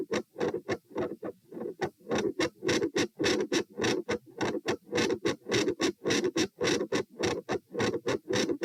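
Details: Heart sounds at position P during a lie-sit-stand-lie stress test (72, 96, 108, 72 bpm). Loud, regular beats near 100 a minute in an upright position, with a split second heart sound; very quiet when supine.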